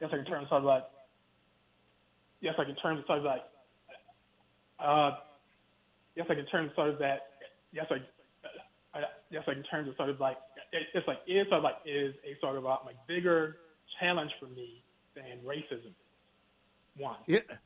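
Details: Adult man with a lifelong stutter he has worked his whole life to overcome, speaking in an interview format he finds difficult without visual cues; stuttering.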